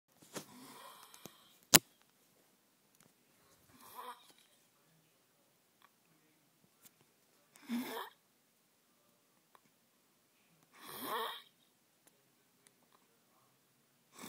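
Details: Male friend passed out asleep after margaritas and beer: soft, hissy breathing noises about every 3.5 seconds, roughly 17 breaths a minute, in a quiet room; light snoring.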